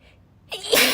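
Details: A girl sneezing while reading aloud: a quiet pause, then a short sharp inhale bursting into one loud, hissy sneeze.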